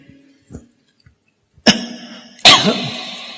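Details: Cough.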